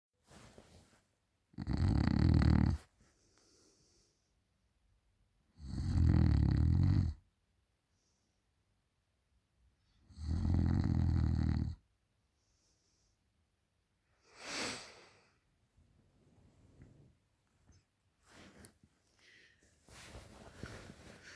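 Three loud, deep, rattling snores about four seconds apart, roughly 15 a minute, then quieter breathing and rustling; ordinary snoring.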